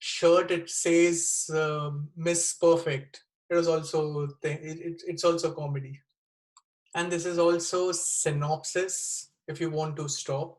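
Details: Wernicke's (fluent) aphasia in a 36-year-old man after a stroke with bleeding in the left side of the brain, dated April 2019 (also given as April 2020).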